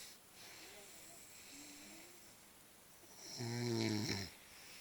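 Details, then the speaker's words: Sleep bruxism: a sleeping adult man, who also talks in his sleep, grinds his teeth with a loud, grating, blackboard-like squeal. "I think going to start jaring again in a minute he'll crunch his teeth get it in the most Blackboard type of way"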